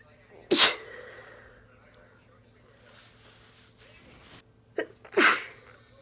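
Two loud, explosive sneezes with a sharp catch of breath before the second; sneezing with a cold.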